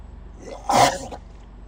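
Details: A crocodile makes a cough: a single short, explosive, hissing burst against a quiet outdoor background.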